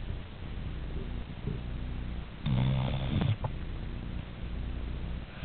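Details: Snoring described as just like a human's: a single loud, low, fluttering snore against steady room hum.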